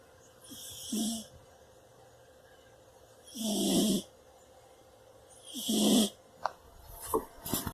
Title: Cat snores on bed (CUTE) #Shorts